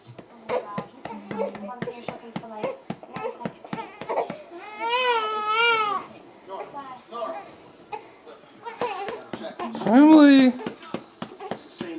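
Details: Baby girl being burped by her mother with a pumping technique: short wailing cries break through patting sounds and adult talk in a small room, an ordinary infant cry.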